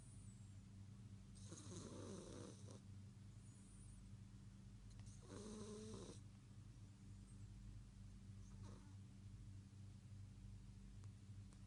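Two loud rattling snores about four seconds apart, then a fainter third, over steady low room hum: a cat snoring.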